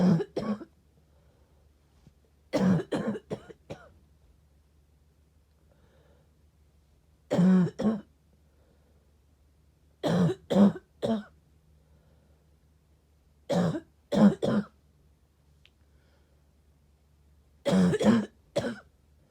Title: Sick coughing